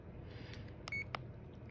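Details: A single short, clear high key-press beep amid soft clicks and room noise on a CADD-Solis infusion pump in PCA mode, while moving through menus after clearing totals and doses given: infusion pump key-press beep.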